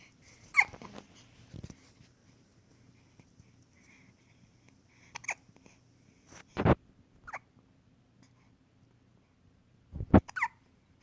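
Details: Hiccups: a few short, abrupt jerks in a quiet room, roughly three in ten seconds, each a brief catch of breath.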